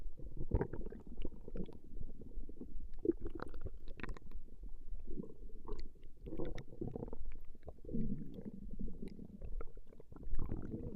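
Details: Woman's stomach growling recorded over a 20-minute session: low, irregular gurgling and rumbling from the abdomen throughout, ordinary borborygmi from gas and fluid moving through the gut.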